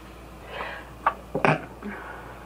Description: here's me sneezing into some paper towel